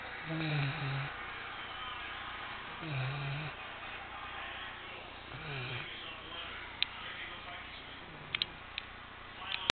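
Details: Goldendoodle dog snoring while asleep: low, soft, rhythmic snores, about three breaths in ten seconds, with faint room noise.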